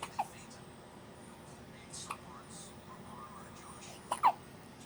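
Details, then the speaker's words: Hiccups from a tiny baby girl just after feeding. "Got done eating. She got the hiccups."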